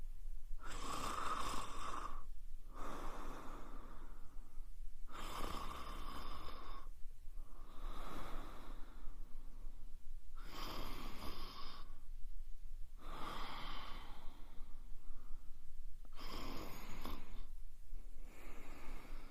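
Loud, harsh snores recur every two to three seconds, about 24 a minute, with brief quiet gaps between breaths during sleep.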